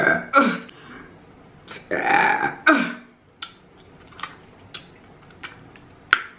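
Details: Several loud, drawn-out burps during a mukbang eating session, followed by soft eating clicks and smacks in a quiet room.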